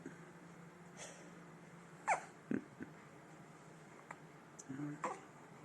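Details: A few sharp, brief hiccups with small breathy catches between them from a 5-week-old baby boy over quiet room noise; infant hiccups.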